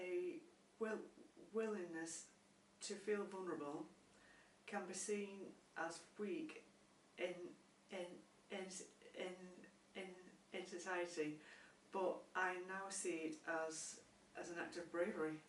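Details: Adult woman who stammers and has found therapy helpful; stuttering.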